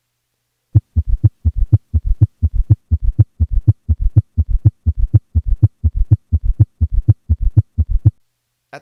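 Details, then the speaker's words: Summation gallop in a patient with S3 and S4 at 120 beats a minute: a fast, regular galloping triple rhythm where the diastolic extra sounds have fused and cannot be told apart. "this point the extra sounds in diast have fused and it is no longer possible to distinguish one from the other or even be sure how many sounds exist"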